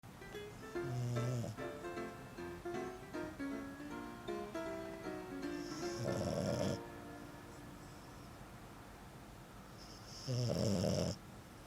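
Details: French bulldog that had surgery to widen her nostrils yet still snores while sleeping: two deep, rattling snores over background music.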